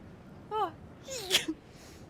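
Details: Female Twitch streamer sneezing during a live stream: a voiced build-up then a sharp burst with a short squeak and exhale; a single sneeze from a rapid sneezing compilation.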